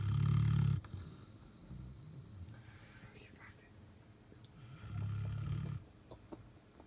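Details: Belgian Malinois dog sleeping under the bed: two loud, low, rumbling snores about five seconds apart with quiet breathing between; ordinary snoring.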